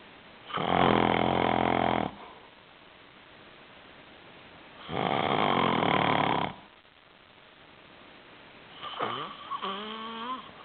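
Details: Two loud, rattling snores on the in-breath about four seconds apart, then a softer squeaky snort in a quiet room; snoring.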